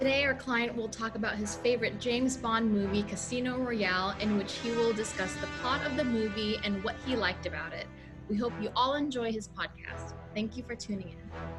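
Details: Adult female speaker; no disorder.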